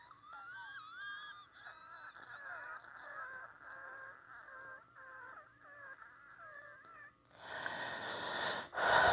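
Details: Wheezing with influenza A: continuous high-pitched musical whistling with shifting, overlapping tones over several seconds, then a burst of rustling noise at the end.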